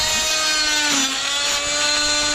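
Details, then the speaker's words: Oscillating cast saw cutting through a calf's leg cast, blade stretches skin rather than cutting it; continuous loud high-pitched buzzing whine with a slight pitch dip under load. "This is an oscillating blade here. So, it doesn't actually pierce the skin. It's just going back and forth and it stretches the skin rather than actually cutting it. But the cast isn't stretchy. So it cuts"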